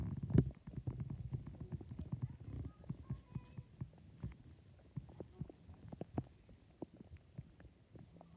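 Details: Own stomach growling: low gurgling rumbles with rapid clicks and bubbling pops, fading in and out over several seconds, ordinary borborygmi.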